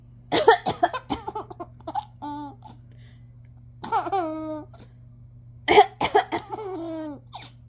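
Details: 5-month-old baby coughs once, then starts laughing while looking at mother's face; cough.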